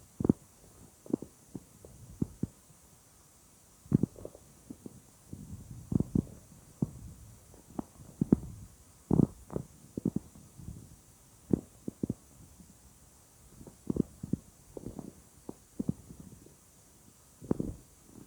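Irregular gurgling and rumbling bursts from the abdomen over quiet background; ordinary bowel sounds of gas and fluid moving through the gut.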